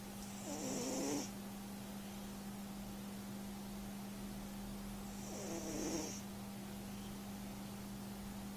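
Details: A sleeping cat snoring, which it does almost every time it sleeps: two fluttering, rattly snores about five seconds apart over a steady background hum.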